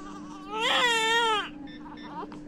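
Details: A single loud, strong cry from a newborn just after birth, with steady hum and faint beeps afterward; a vigorous, normal cry.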